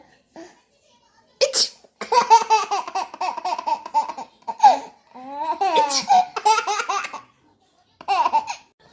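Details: Baby laughing at mother's funny-sounding sneeze: an adult sneeze followed by infant laughter.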